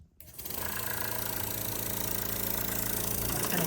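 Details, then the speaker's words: Home-care stationary suction machine (mains-powered, no internal battery) switched on by a button at the back: a click, then a motor starting and settling into a steady, rapidly pulsing drone. "Now to turn on the machine there's a little button in the back you just"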